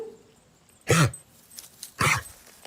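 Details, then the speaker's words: Two harsh, honking cough bursts with a gagging quality from a vaccinated dog in an owner's video sent for telemedicine review. The owner reported bad wheezing while the dog otherwise acted normal and was walking. The vet diagnosed typical kennel cough. "listen to the dog and it's very stereotypical for counterpart"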